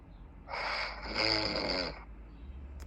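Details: Snoring in a sleeping man: a single loud, rattling inhaled snore about a second and a half long, rising to a harsh vibrating peak, against quiet room noise.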